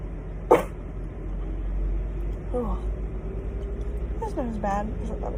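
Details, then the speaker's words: One sharp sneeze burst, then brief voices over a steady vehicle-like hum: a sneeze set off by a Covid-19 nasal swab test. "oh my god i guess i'm sneezy one more time"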